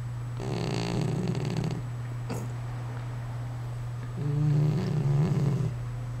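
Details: Two low, rattling snores from a sleeping male cat over steady room hum; the owner says he snores like this all the time.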